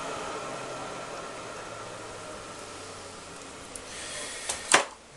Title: assistenza alla tosse per via tracheostomica - cough assist in patient with tracheostomy